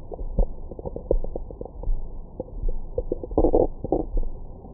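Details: Bowel sounds recorded with a Stemoscope stethoscope microphone on the belly after a large meal: frequent gurgles, bubbling and brief squeaks, normal active bowel sounds.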